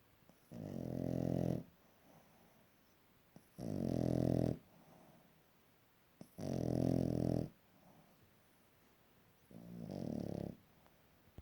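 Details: Boston terrier puppy snoring loudly: rumbling snores about a second long, four in eleven seconds, roughly 21 breaths a minute, with quiet pauses between; dog snoring.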